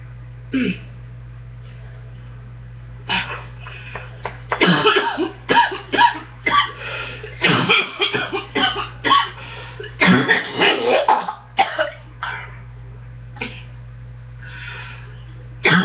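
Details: Person with a chest cold: repeated deep, harsh cough bursts in clusters over a low steady hum; chesty cough.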